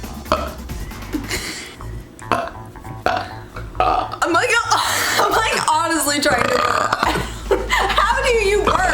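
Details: Compilation of a man's burps after a fast-food burrito taste test: several loud, drawn-out voiced belches run together with talk and laughter between; belching.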